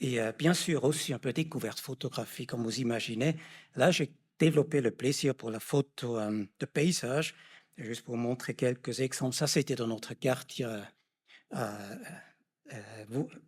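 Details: Adult man speaking French; normal speech.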